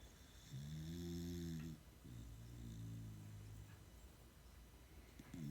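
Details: Two dogs, Talulah and Maggie, snoring during an afternoon nap: low rumbling breaths with a buzzing, tonal rattle repeating in slow cycles over a quiet room; snoring.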